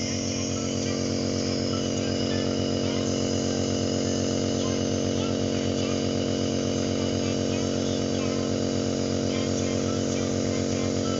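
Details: Steady buzzing hum with fast regular pulsing of a small compressor during nebulizer therapy for a toddler with cough and cold; nebulizer compressor running.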